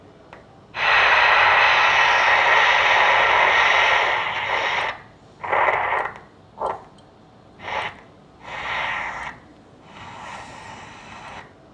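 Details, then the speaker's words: Doppler ultrasound of a normally functioning arteriovenous fistula about one centimeter from the fistula, measured flow about 504 ml per minute, judged okay. "so the flow is here it is 504 ml per minute it looks okay and very good fish linear to 500"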